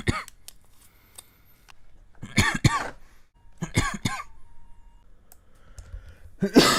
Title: 3minutes of coughing compilation